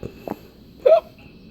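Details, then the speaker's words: Infant's first hiccups: a short, sharp voiced catch following a couple of faint clicks in a quiet room; hiccups. "Yeah, you got the hiccups. Yeah, you do."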